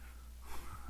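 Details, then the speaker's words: A dog asleep under a desk snoring loudly during a live stream: a short, low rumbling snore with faint room noise. "dog comes in sleeps under my desk and it starts snoring anybody's got a good webcam or a good audio setup that'll get dog snoring out of my feed"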